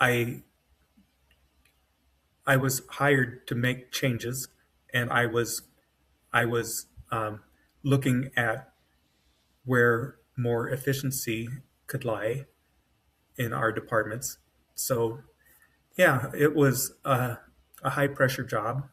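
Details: Adult man with self-rated mild to moderate aphasia (severe on waking) after an AVM brain hemorrhage, surgery and a 10-day medically induced coma, with right-side paralysis on waking and foot drop; word-finding trouble, brain faster than mouth; aphasia.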